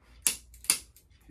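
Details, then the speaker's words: Two sharp, dry clicks about half a second apart from a spring-loaded chiropractic adjusting instrument fired at C1 in the upper neck, on a patient's first chiropractic visit. "next very important I use this too that sounds like this and right here C1"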